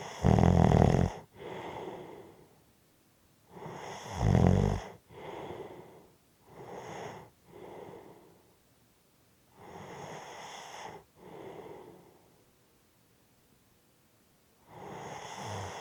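Loud, rough breathing with rattling snores on the in-breath and noisy breaths out, about nine breaths a minute; heavy snoring.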